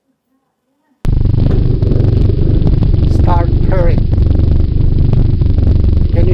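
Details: Purring obscuring auscultation.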